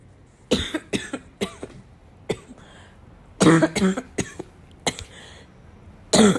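An adult coughs repeatedly in short bursts, with some voiced throat-clearing sounds mixed in.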